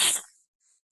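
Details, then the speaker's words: Very old small lap dog gives a single short, hissing nasal burst that fades quickly, followed by coughing; sneeze. "And then she just sneezed. She sneezed, coughed, and I heard that."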